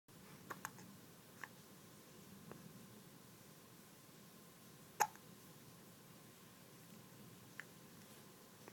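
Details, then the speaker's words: Soft, abrupt hiccup clicks at irregular intervals, with one louder hiccup, from a young boy who has hiccups, in a quiet room. "I've got hiccups at the moment."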